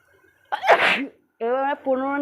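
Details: One loud, forceful sneeze with a sharp inward build-up, followed by short voiced sounds; an ordinary sneeze in a funny sneezing clip.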